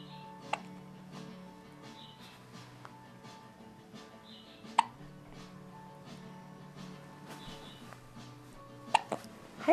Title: with hiccups